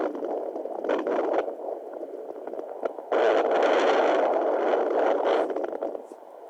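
Rushing, static-like whooshing from a home fetal Doppler, louder in the second half, with no clearly separable steady heartbeat: fetal Doppler sounds.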